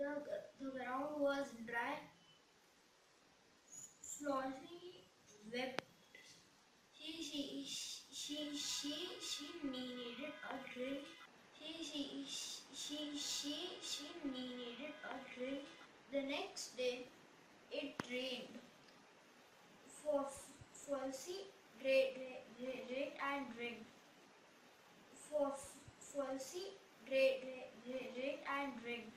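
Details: Boy stammering for four years, described as developmental onset with psychological origins and worse with fear, excitement or hurry, reading a story aloud before a single NLP session, with broken and repeated phrases; stuttering.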